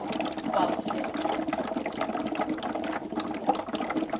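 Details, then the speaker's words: Simulated lab demo of a wet chest drainage system: rapid, continuous vigorous fish-tank-like bubbling in the suction control chamber; suction set too high, should be slow, gentle and intermittent. "now we don't want this bubbling so rapidly that it sounds like fish tank in the patient's room this is way too high it's bubbling like crazy it's going to evaporate"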